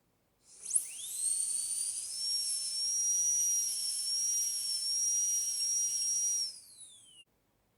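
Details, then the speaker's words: High-speed dental drill cutting functional cusp bevel depth grooves, bur at 45 degrees to axial wall, on tooth 46 during teaching demonstration of metal-ceramic posterior crown preparation: whines up, holds steady high pitch about six seconds, winds down. "next I am going to give a functional cusp bevel depth groove. So I am going to angulate the burr 45 degrees to the axial wall and going to give 2 depth grooves."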